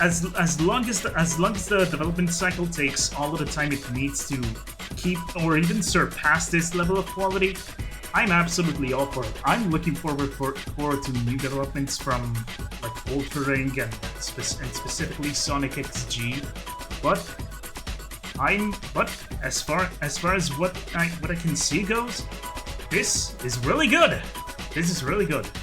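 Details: Adult man who calls his own speech a 'stuttery mess'; repetitions of words and phrases; stuttering.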